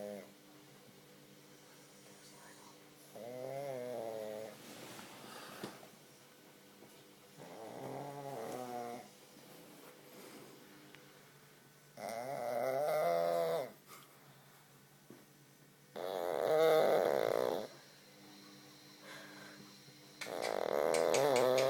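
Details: Sleeping pug snoring: rhythmic nasal snorting snores with each breath, about 14 breaths a minute, over steady background hum; typical flat-faced dog snoring.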